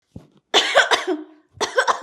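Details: Acted cough in a Hindi comedy skit where an adult tells a doctor the cough has lasted many days: a few loud, voiced, deliberately performed coughs in a small room.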